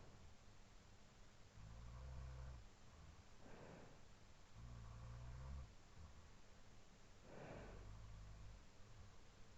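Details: Low rumbling snores from a sleeping housemate alternating with softer sleep breaths, real overnight recording around 4:17–4:20 AM, over steady room hiss; snoring.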